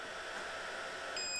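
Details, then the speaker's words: Clyn CPAP disinfector, 30-minute cleaning cycle stopped by pressing and holding its single button: faint room hiss, then a short electronic beep; CPAP disinfector stop beep. "so you'll know exactly how much time is left every time you do it and if you want to stop it"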